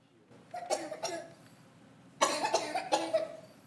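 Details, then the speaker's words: Demonstration of a child's dry cough, in a guide on whether a child is too sick for school: two short bursts of about seven quick, hacking coughs with no rattle, typical of an irritated, itchy throat from post-nasal drip or a mild cold. "that's usually more from that irritated the irritated itchy throat that could be from post nasal drip mild or cold"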